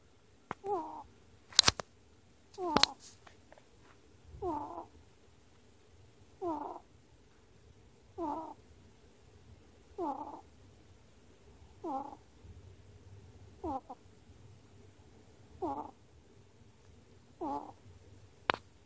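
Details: A sleeping pet ferret, recorded 10 March 2018, snores in soft, regular nasal bursts at about 30 breaths a minute: snoring.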